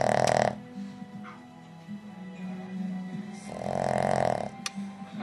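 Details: Boston Terrier snoring while asleep; two loud, rattling inhalations a few seconds apart over television music and talk.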